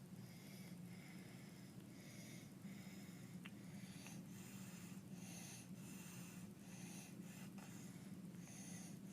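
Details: Infant with laryngeal dyspnea: rapid, noisy breaths with harsh, high-pitched crowing on inspiration, an inspiratory stridor from laryngeal narrowing.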